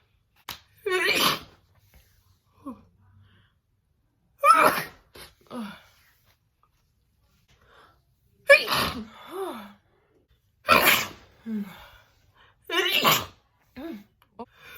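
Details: A woman's big, wet sneezing attack: five forceful, wet sneezes, each preceded by a quick gasping inhalation, with quiet pauses between them.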